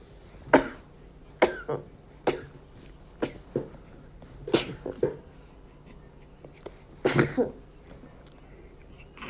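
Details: A mother's cough from a cold, recorded during her baby's postpartum care centre days: about eight short, sharp, dry-sounding coughs in single and paired bursts over nine seconds, in a quiet room.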